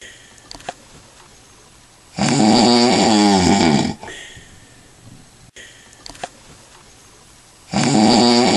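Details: Adult man (father) sleeping after drinking lots of alcohol: loud, rattling snores on each inhalation about every five and a half seconds, with quiet pauses between; snoring.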